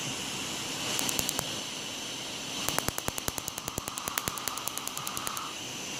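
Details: Tattoo removal laser firing on a peace sign tattoo with a dark outline, 8th session: rapid, sharp snapping clicks in bursts, about three per second, over steady machine hiss.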